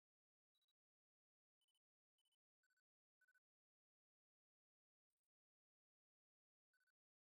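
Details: Hearing test tones from an AirPods Pro 2 hearing test: brief triple-pulsed beeps at changing pitches and loudness, separated by silence.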